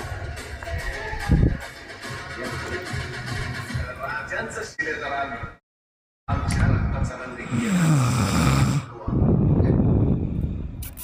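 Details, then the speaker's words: Heavy snoring from an adult man asleep on a sofa, heard during a livestream: two loud, rough, low rumbling breaths, each lasting a couple of seconds, as music and room noise fade. "तुम्हाला मी दाखवतो आम्हाला त्रास किती होतो ना तो राक्षस घोरण्याचा ऐका"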